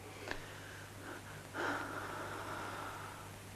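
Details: Acted exam scene, simulated: after prompts to breathe and cough, a quick intake of breath, then a longer deeper breath over a steady room hum; deep breathing.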